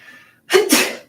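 A single sharp adult sneeze: a brief intake followed by a loud noisy burst that quickly fades.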